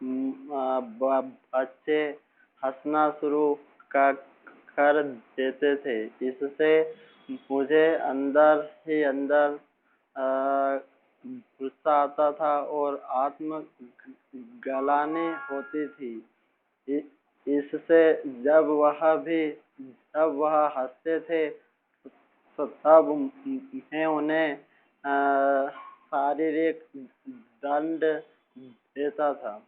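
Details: Young male teacher who has stammered since about age six; stuttering.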